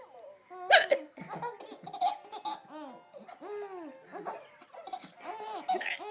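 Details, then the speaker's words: Baby with hiccups making squeaky, squeak-toy-like hiccup sounds; hiccups. "You got hiccups? You poor thing. You poor thing. Oh. When she sounds like a squeak toy."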